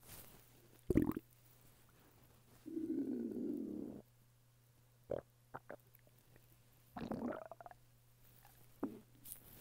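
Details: Hunger stomach rumbling (borborygmi) from a man lying flat on his bed: gurgling from an empty stomach.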